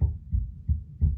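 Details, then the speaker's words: Normal newborn heart sounds from an electronic baby simulator heard through a stethoscope: rapid, regular, soft low lub-dub thumps at about 170 beats per minute. "you just heard what a normal heartbeat sounds like"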